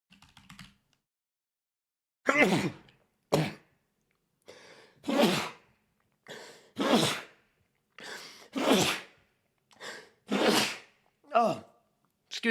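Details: Male streamer with allergies sneezing: a run of about eight short, explosive sneezes in quick succession, some with a sharp breath before each burst.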